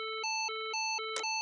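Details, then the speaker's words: Physio-Control LIFEPAK CR2 semi-automatic AED with cprINSIGHT in child mode, CPR demonstration: repeating two-pitch alert tone as it announces stop chest compressions, everyone clear, press flashing button, before shock delivered. "Stop chest compressions. Everyone clear. Press flashing button."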